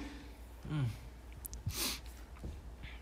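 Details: A single adult sneeze from a K-pop singer: a short voiced intake followed by one sharp, hissing expulsive burst over low room hum.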